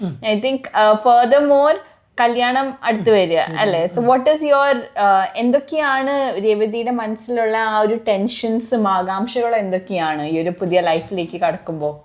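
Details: Adult woman speaking; Normal speech.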